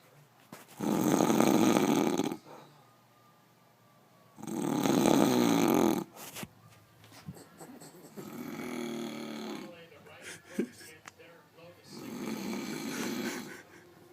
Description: My dad claims he doesn't snore when he sleeps so here's the proof.